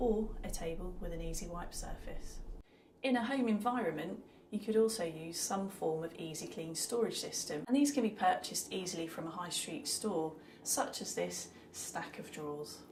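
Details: Adult female narrator; normal adult speech.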